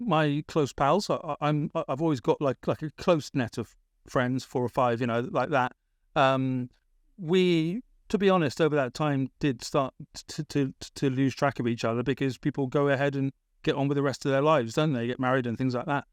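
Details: Adult British man with a persisting stammer that was a big issue around age 28-29, treated with speech therapy in Britain; word repetitions; stammering.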